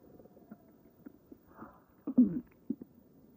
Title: the morning after a stuffing session (micless tummy noises)